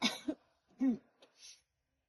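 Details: Adult woman coughing: two short, dry coughs separated by a brief pause, followed by a soft breath out.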